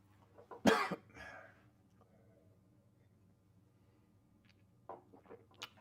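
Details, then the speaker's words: Man with a cold and sore throat, after taking Manuka honey to ease coughing: one short, harsh cough followed by throat-clearing in a quiet hotel room; cough. "just put a thing of Manuka honey in my mouth but to ease the throat uh to hopefully reduce the amount of coughing we will see"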